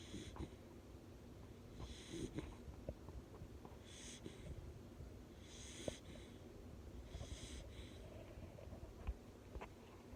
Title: #minibullterrier #englishbullterrier Walter snoring away - relaxing - turn it up ❤️